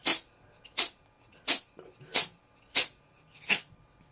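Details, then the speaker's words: Cat's sneezing attack: six short, sharp, hissy sneezes in quick succession, about one every 0.7 seconds. "this is my cat Sammy I've had this cat for like hold on I'm being rudely interrupted by by epic sneezing"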